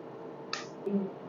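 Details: Hand hair reduction laser session with an ND:YAG (Gentle YAG) laser at larger spot size, performed by a dermatologist: brief hiss of cooling spray, then a short machine tone as the pulse fires; laser firing with cooling spray.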